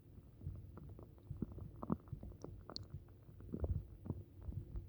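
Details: Upset stomach, possibly from something eaten: low gurgling rumbles and irregular bubbling pops, stomach rumbling (borborygmi).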